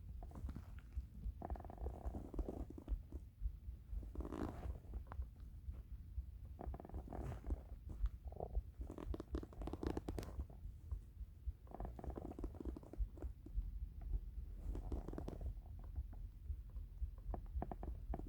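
Deep, bubbling gurgles and rumbles throughout, with some soft crackling. Hunger stomach rumbling, a normal bowel sound.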